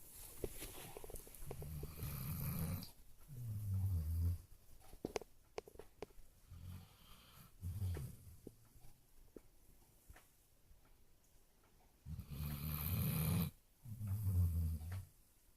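Slow, deep rumbling snores from a sleeping dog, with quiet pauses between breaths; about four snoring breaths in fifteen seconds.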